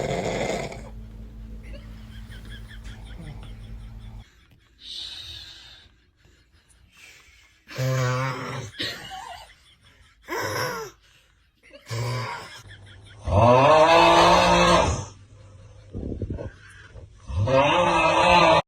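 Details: Parent's loud rattling inspiratory snoring with a toddler crying and laughing in reaction.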